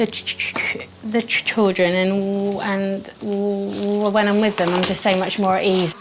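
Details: Stuttering since early childhood in a 25-year-old woman, with word repetitions; she is attending an intensive four-day McGuire Programme stammering course.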